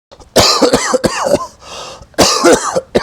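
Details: Cough (acted).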